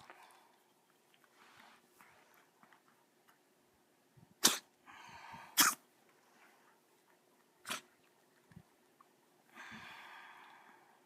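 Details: Cough in Olivia, a dog, after tracheal stent placement: three sharp, explosive coughs separated by noisy, rasping breaths in a quiet room; audio only.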